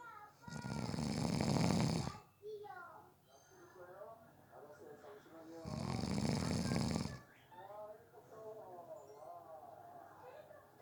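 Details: Snoring during a nap, person fell asleep within 30 seconds: two loud rough in-breath snores with quieter breathing between.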